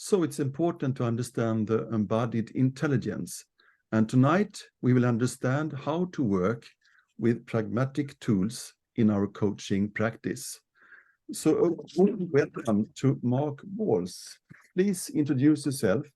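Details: Adult man speaking; ordinary speech.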